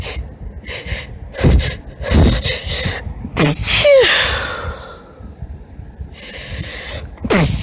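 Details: Female deliberately performing high-pitched sneezes: several quick, catching, hitching in-breaths build up to two clear sneezes, with hitching breaths between them.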